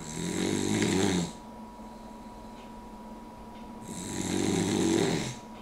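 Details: Puggle dog snoring while asleep with her head up on the arm of a chair, the only position she snores in: two loud, rough snoring breaths with a pause between, over a steady background tone.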